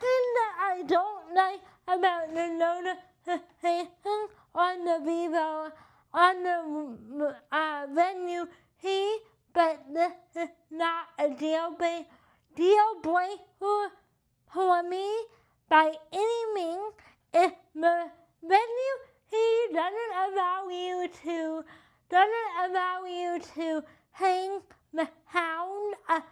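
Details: Adult with cerebral palsy and limited hand function: dysarthria (cerebral palsy).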